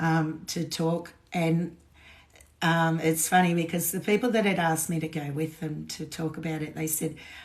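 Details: Woman with essential tremor; voice tremor worse than her usual today, which she attributes to alcohol withdrawal shakes on top of her essential tremor after two days of drinking.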